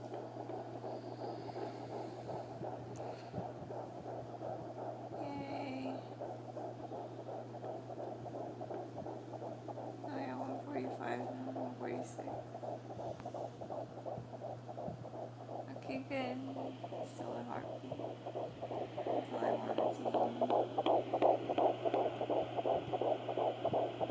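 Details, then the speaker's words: At-home fetal Doppler on the mother's belly at 13 weeks of pregnancy: rapid, regular, whooshing fetal heartbeat pulses over a steady hum, about 145 a minute, said to be higher than 130. "show the Doppler that's the baby's heartbeat it's not 130 is higher"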